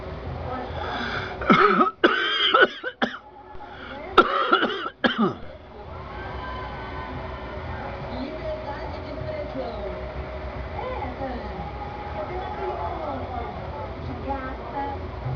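About six harsh cough bursts in quick succession, then quiet room noise with faint background music: a bout of coughing.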